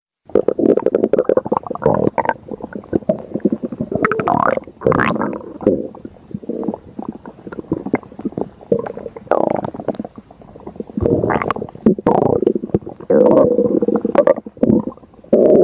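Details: Loud, continuous gurgling and rumbling with brief pauses: stomach growling, the normal borborygmi of gas and fluid moving through the gut.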